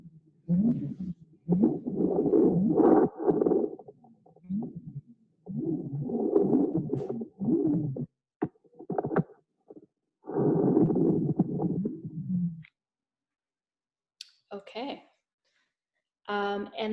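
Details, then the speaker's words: Rhythmic whooshing in a patient diagnosed with transverse sinus stenosis, silenced when the patient presses on the jugular and returning on release: objective venous pulsatile tinnitus, about one minute. "this particular patient had a diagnosis called transverse sinus stenosis and the patient can pause the whooshing by um doing this sort of pressing on the jugular"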